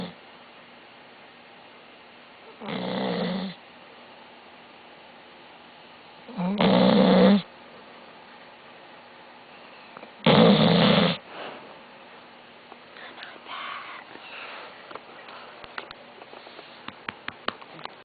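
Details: Loud, heavy snoring during sleep: three harsh snores roughly every four seconds, about 16 a minute, followed by quieter rustling.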